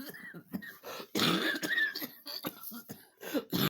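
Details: Person coughing after coming inside from a walk with some jogging, trying to suppress the coughing but making it worse.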